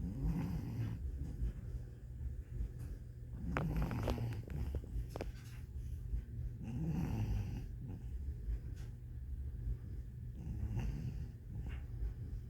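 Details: Low, rumbling snores with occasional snorts, about 17 breaths a minute, from a sleeping dog recorded 20 Feb 2023; ordinary snoring.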